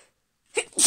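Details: A female holding back sneezes: after a brief silence, two quick, hissy, muffled bursts escape in short stifled puffs.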